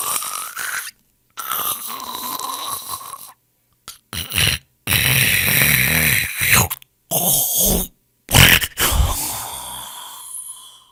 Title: SONIDOS DE RONQUIDOS | SNORING SOUNDS